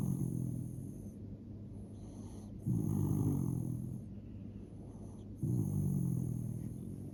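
Rhythmic rough snoring on each breath, about two breaths in seven seconds, from a sleeping dog; ordinary snoring.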